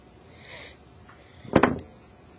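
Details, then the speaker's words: Adult with bronchitis, cough improving but previously painful across the back: one short, harsh cough with two quick bursts over quiet room noise. "Get that bronchitis cough. It's not as bad as it was. It like hurt my entire back."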